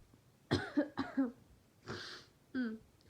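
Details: Several short, rough coughs followed by a breathy exhale and a voiced groan, from a person sick with a cold, also sniffling and sneezing; cough.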